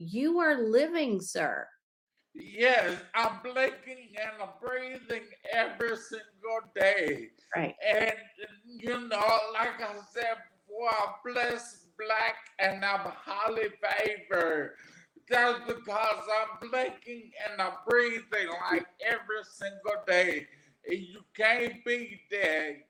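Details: Adult man, 41, with aphasia after three strokes, the first at age 27 caused by an arteriovenous malformation, about 13 years ago; aphasia.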